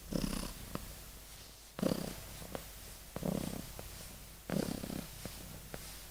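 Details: Kitten in deep sleep: soft, rhythmic rumbling breaths about every 1.3 seconds, near a purr in quality; gentle kitten snoring.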